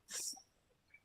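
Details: A single sharp, hissy cough from an adult during a live stream, cut off abruptly by his microphone, with faint room noise after.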